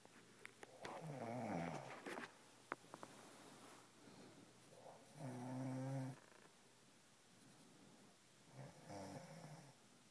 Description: Both girlfriend / parrot snoring together